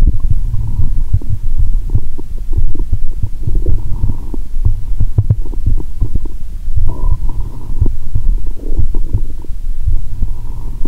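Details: Stethoscope on the upper abdomen, person relaxed and sleepy, during a cola-and-Mentos session: frequent low gurgles, rumbles and clicks over a steady low hum as gas moves after the fizzy drink; active bowel sounds (borborygmi).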